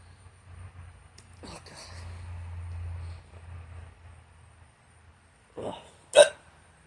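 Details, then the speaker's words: Young man with hiccups, flatulence also occurring: low background rumble, one early and a couple of later sharp, abrupt throat catches; hiccups. "anyway that's all I had but I have hiccups right now I farted too"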